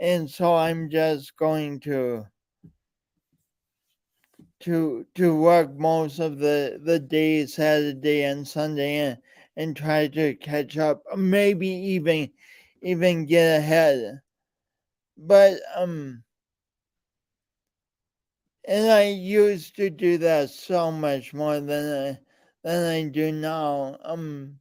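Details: Man with a speech impediment and coordination differences present since birth, still ongoing; speech disfluency (word repetitions).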